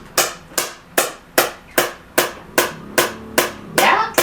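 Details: Sharp, regular snapping taps about 150 a minute, like a small hammer: SoftWave acoustic shockwave therapy pulses applied to a woman's hip stress fracture while she lies on her left side; she reports feeling it, tolerable intensity.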